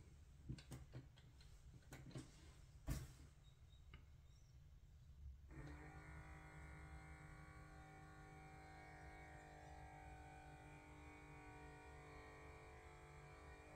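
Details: A few handling clicks, then a steady motor hum as a home automatic blood pressure monitor cuff pumps up on a man's arm, compared with a Galaxy Watch 4, in a quiet room; blood pressure cuff inflation.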